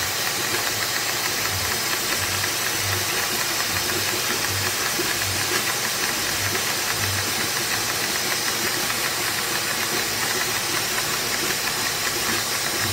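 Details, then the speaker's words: Dental suction unit (Micro-Smart, firmware 20180223) in a test rig with a ball valve standing in for a spittoon valve; steady loud rushing hiss with faint rhythmic throb, fairly constant flow; dental suction unit running. "as you can see the flow off into the pumps for me it's quite light but as you can see it's actually pulling very nicely the main waters on the inner side of the tube and very good with that fairly constant flow of it"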